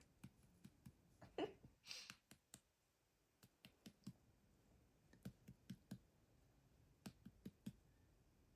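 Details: Liver percussion during a head-to-toe physical examination: short, dull finger taps in small groups over the right upper abdomen in a quiet room, with no enlarged liver.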